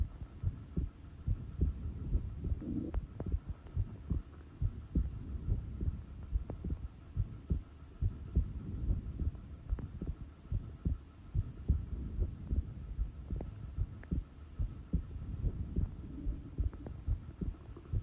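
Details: Resting heart sounds recorded at rest: steady low thumps at about 72 a minute over a faint hum; normal heart sounds.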